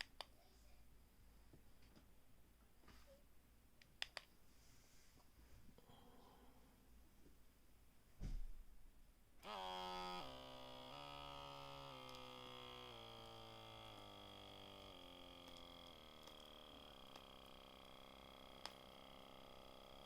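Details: Magicfly wrist blood pressure monitor on the rested left wrist held at chest height, on a user with high blood pressure: steady motor whine with stepped pitch changes as the wrist cuff inflates and releases during a reading.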